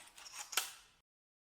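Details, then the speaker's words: Multidose pre-dosed dry powder inhaler with dose counter, technique demonstration: faint rustle, then one sharp click as the inhaler is opened and the white part lifted to load the dose and advance the counter; dose-loading click. "abrir para cargar la dosis levantar la parte blanca hasta oír un clic disminuye el contador y cerrar hasta oír otro clic"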